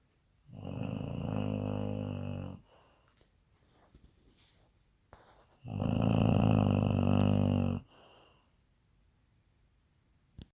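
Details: Sleeping pet dog snoring heavily: two long, loud, rattling snores about five seconds apart with quiet breathing between them.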